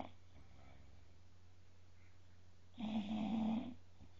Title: snoring bulldog